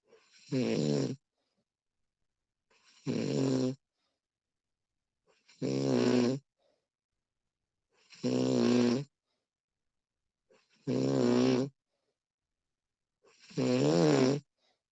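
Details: Woman snoring during sleep, recorded with professional audio: regular rattling snores on each breath in, about 23 a minute, with quiet gaps between.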